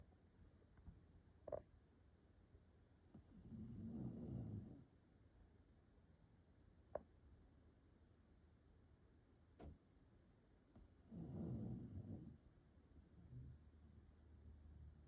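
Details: Gentle snoring during sleep: two slow, low rumbling breaths about seven seconds apart, with soft clicks between, in a quiet room.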